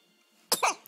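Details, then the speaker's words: Baby boy, day 9, just woken from a nap and also having hiccups: a single abrupt hissing small sneeze with a short breathy tail in a quiet room; sneezing. "Oh. Oh, bless you. Bless you. Lots of sneezes."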